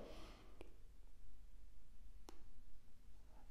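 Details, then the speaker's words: Self-test with two fingers over the temporomandibular joints while opening the mouth: two brief, sharp clicks about two seconds apart; louder noise on one side indicates a mild temporomandibular dysfunction; TMJ clicking. "vous entendez un endroit d'un côté où le bruit est plus fort voilà ; ça veut dire que vous avez une légère dysfonction tempo-mandibulaire"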